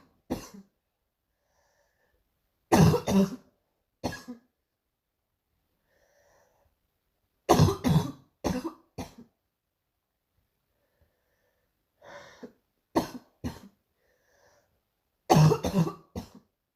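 Repeated harsh coughs in several short bouts separated by quiet pauses, a recurring morning coughing episode.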